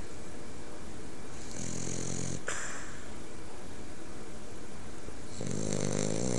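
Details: French bulldog snoring while fast asleep with eyes half open.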